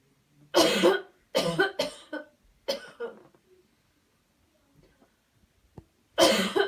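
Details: Cleansing-healing coughing technique demo: after guided counted breathing and a deep breath in, several forceful coughs in short bursts with quiet pauses; voluntary airway-clearance cough.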